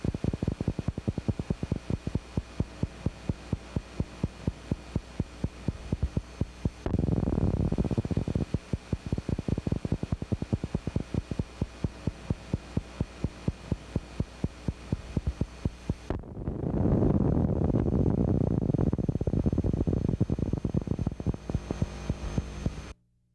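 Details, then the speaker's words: Needle EMG teaching example: rapid, regular dull thuds over a steady hum; positive sharp waves, a sign of denervation, with significance identical to fibrillations. "In essence, the electrphysiological characteristics and clinical significance of positive sharp waves are identical to those of fibrillations."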